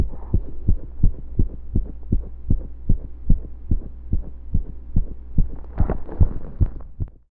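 Fast, somewhat irregular heartbeat with low thumps and occasional pauses where a beat seems skipped, with breath and movement noise near the end.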